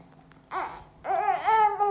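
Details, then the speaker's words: Brief fussy cries, two short wails with rising and falling pitch in a quiet room, from a baby boy with cough and catarrh who is on medication after a doctor's visit; infant crying. "okay don't cry don't cry don't cry my baby don't cry"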